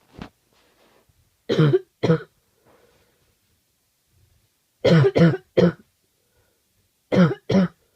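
Seven harsh coughs in short bursts, mostly in pairs and triples, separated by pauses; a forceful, throaty adult cough.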